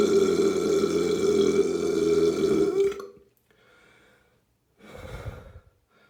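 A long, loud, rumbling belch lasting about three seconds, then two softer, shorter burps. Belching, air brought up from the stomach.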